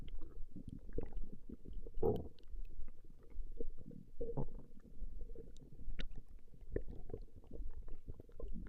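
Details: Recorded stomach growling of a female: continuous soft rumbles and gurgles with occasional squelching pops, normal bowel sounds (borborygmi).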